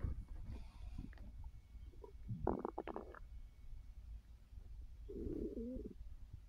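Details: Resting on a full stomach after overeating following a gummy: soft gurgles, squeaky bubbling and low rumbles over a steady low hum, bowel sounds (borborygmi) of digestion.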